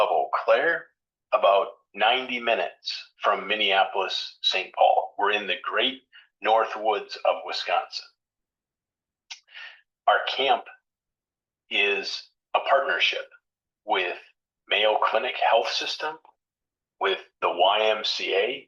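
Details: Adult male speaker; ordinary speech.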